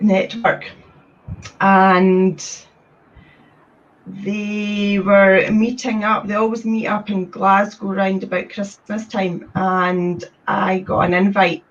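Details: Woman from Scotland who describes having had a speech condition, appearing in a series on people who stutter; stuttering.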